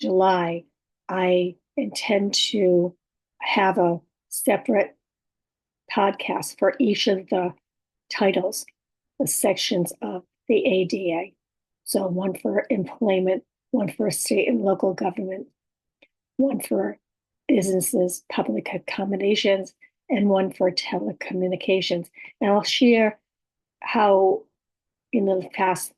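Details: Adult woman with about six years of communication challenges who has aphasia, apraxia of speech and dysarthria, and whose speech is sometimes hard to understand; aphasia with apraxia of speech and dysarthria.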